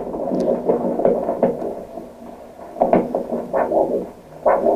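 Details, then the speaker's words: Doppler probe over an ankle artery during ankle blood pressure measurement with cuff: rhythmic whooshing arterial pulse signal showing blood flow, disappearing when the cuff compresses the artery and reappearing on deflation. "on a un signal Doppler qui indique le passage du sang."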